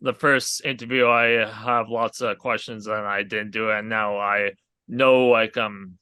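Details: Aphasia in a male stroke survivor who had a hemorrhagic stroke from an arteriovenous malformation at age 20.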